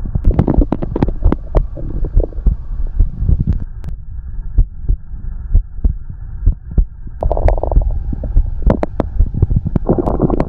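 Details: Heartbeat heard alongside loud, low gurgling and rumbling from the belly, with bursts of bubbling and squelching; stomach growling (borborygmi) from gas and fluid moving through the gut.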